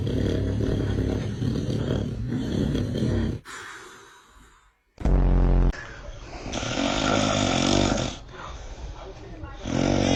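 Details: Adult father snoring loudly: rough snores with snorts, interrupted by brief laughter and background noise.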